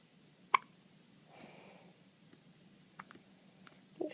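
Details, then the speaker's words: One-day-old newborn boy with hiccups, responding to mother's voice: a sharp, brief hiccup, then soft breathing and faint small catches in a quiet room. "Show Grandma you got the hiccups. You got the hiccups."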